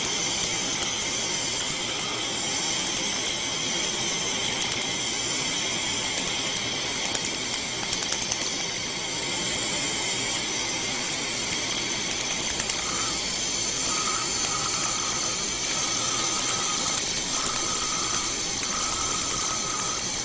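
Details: A tattoo removal laser treating a leaf-design tattoo, with a constant loud hiss and rapid snapping clicks, about three pulses a second, while the patient is told to breathe in.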